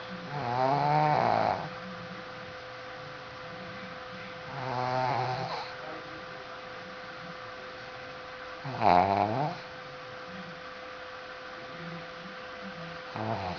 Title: My Dog Coco Snoring